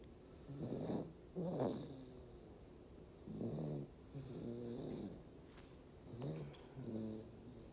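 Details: Soft, rough, low sleep noises in paired bursts on the in-breaths and out-breaths, about 10–11 breaths a minute, from a sleeping baby; infant snoring.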